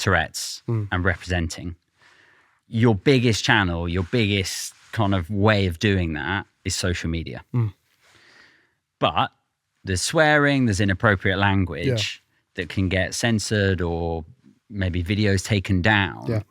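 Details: Adult male speaker; typical speech.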